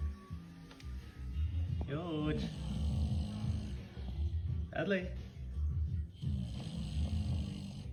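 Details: Low, rough snorting snores from a sleeping English Bulldog, partly covered by music and added voice sounds.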